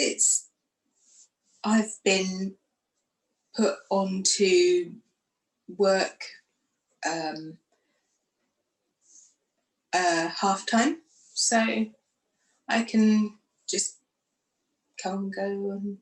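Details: Aphasia in a woman who lost her speech after a stroke following surgery in 2018, aged 44, and went through rehab.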